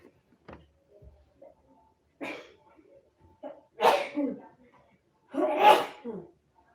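A run of sneezes, each led by a quick in-breath and growing louder, in a quiet room; an allergy sneezing fit.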